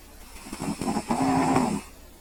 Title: CAT SNORING